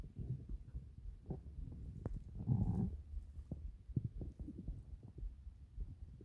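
Low, continuous rumbling with a longer gurgling growl midway and scattered soft pops; ordinary stomach growling.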